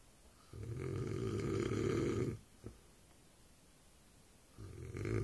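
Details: Adult man asleep: loud, rough, rattling snores on inhalation with quiet pauses between, described as extremely loud, like a bull elephant seal; snoring.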